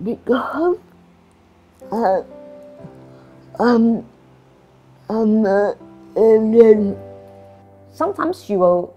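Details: Adult woman in Singapore with cerebral palsy, with slurred speech and restricted movements; dysarthria due to cerebral palsy.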